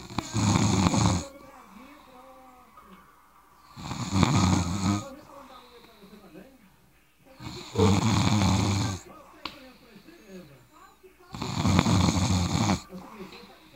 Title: roncando